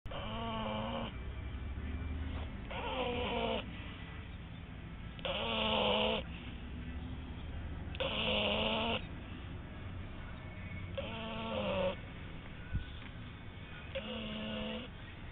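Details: Snoring from a sleeper: loud, rhythmic snores with a nasal, whistling edge, about 22 a minute and fairly regular, over steady low room hum.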